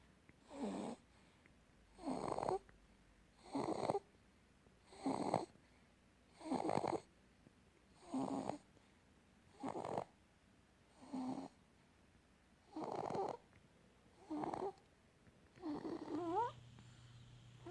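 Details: Snoring in a sleeping infant boy aged 2 to 7 months: short, regular snoring bursts, around 40 a minute, in a quiet room.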